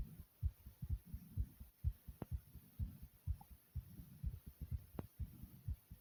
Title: My Thumping Heartbeat Sound ❤❤